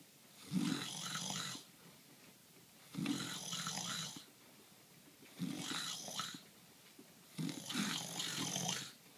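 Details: Sleeping husband: four loud, rough, rattling snores with quiet gaps, about 25 a minute, regular rhythm; ordinary snoring.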